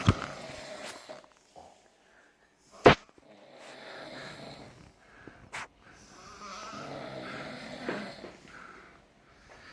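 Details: Snoring filmed during sleep for a snoring competition: irregular rough snoring breaths with snorts and a few sharp noises in a quiet room.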